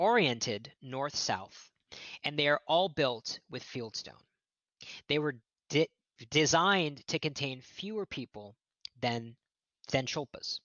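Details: Adult male archaeologist who says he stutters, giving a lecture; word repetitions in this stretch; stuttering.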